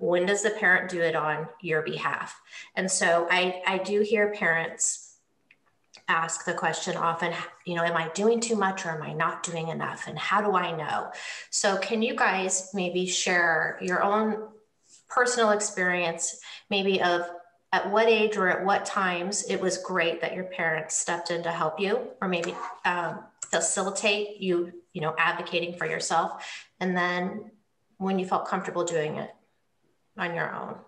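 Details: Adult woman speaking; normal fluent speech.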